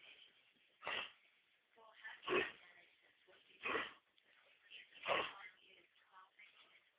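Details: Mixed pit bull dog, owner suspects kennel cough: four harsh, hacking coughs at a steady pace with wheezy, snorting breaths between them.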